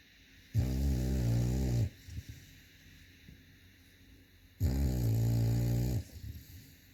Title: cute dog (snoring)